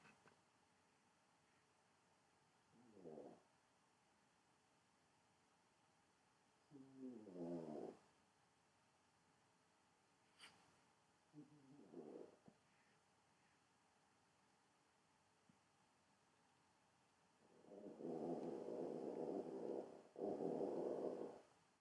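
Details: Sleeping small female dog, half Chihuahua and half miniature Pinscher, snoring: rhythmic snorting snores with a longer, louder snore near the end.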